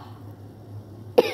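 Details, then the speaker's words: A single short, sharp cough over a steady low room hum, from a person with a severe, persistent cough not relieved by medicine from a doctor. "Bikin lemon karena udah capek batuknya udah parah"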